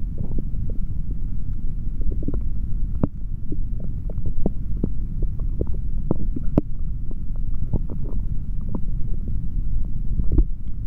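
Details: Male abdomen heard through a stethoscope after drinking a chocolate protein shake: continuous low rumble with scattered soft clicks and gurgles; ordinary bowel sounds, stomach growling.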